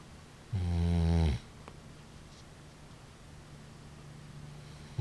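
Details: Sleeping dog snoring: a single low, buzzing snore, then quiet breathing and room hum; ordinary harmless dog snoring.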